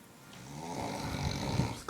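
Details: Roommate snoring at night at a beach house: a low, rough rumbling breath that builds in loudness over a couple of seconds, typical of snoring.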